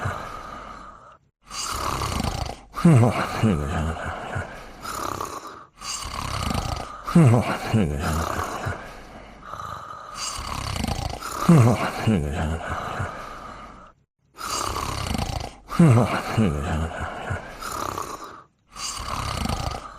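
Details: Slow, rhythmic rumbling snores with short quiet pauses, about 14 breaths a minute, from two sleeping dogs in a 1980s TV cartoon soundtrack, not real animals: snoring.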